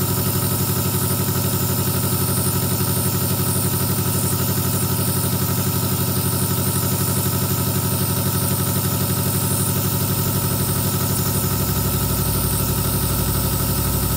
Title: Nebulizer Relax 2hs